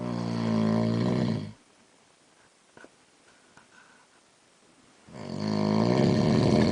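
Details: Adult man asleep at night, snoring louder over time, loud rattling snores on each in-breath with pauses of about three seconds; heavy snoring.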